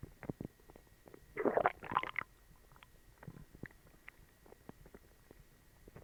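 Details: An adult with a bellyache after eating dog treats has irregular gurgling and squelching bowel sounds with an early louder rumble, then scattered clicks and gurgles: borborygmi (stomach growling).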